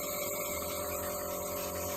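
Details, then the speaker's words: Home nebulizer connected to a face mask, switched on to inhale glutathione as vapour. Continuous steady buzzing whir of the small compressor with a fine hiss: nebulizer running. "Et on allume le nébulisateur. Et voilà. Ouais, ça fait de la vapeur, vous voyez."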